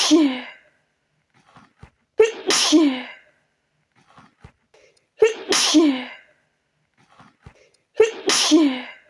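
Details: Person trying to relax hit by a sneezing fit: a run of three loud sneezes, each with a sharp inward catch, about every three seconds.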